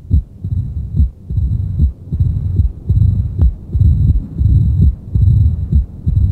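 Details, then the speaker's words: Cardiac auscultation of mitral stenosis: a regular heartbeat near 72 a minute with a low rumbling diastolic murmur filling the gaps between beats. "Una es el soplo de esta ocultación. El soplo que se oye."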